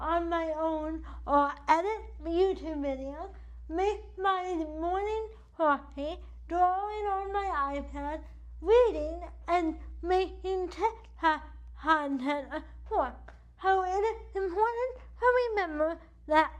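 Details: Dysarthria due to cerebral palsy in an adult woman whose CP affects the right side of her body, impacting her speech and movement; she uses a wheelchair.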